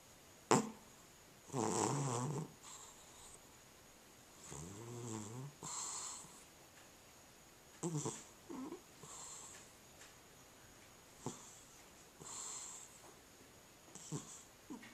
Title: Cat Snoring